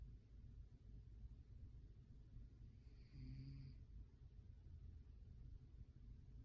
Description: Lazy snoring cat